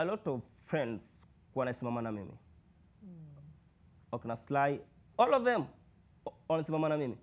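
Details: Adult male who speaks with a stammer and has struggled with stammering, reading many books on overcoming it; stuttering.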